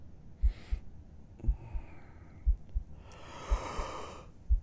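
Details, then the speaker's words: Person's heartbeat heard with a listener's head resting on their chest: steady paired low thumps at about 60 beats per minute with soft rustling and breath noise; normal calm resting heartbeat. "Is it beating peacefully? It's only because you're here."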